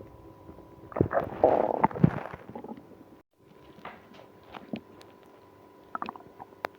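Loud, bubbly gurgling rumbles, then scattered softer gurgles and squeaks: active bowel sounds in a person with irritable bowel syndrome.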